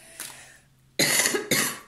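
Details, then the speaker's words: Adult woman coughing while speaking; she was ill the previous week and her voice is still slightly hoarse. "Excusez-moi, hein. J'espère que vous voyez bien et que vous m'entendez bien. Parce que comme j'ai été malade la semaine dernière, ma voix elle est toujours un petit peu enrouée."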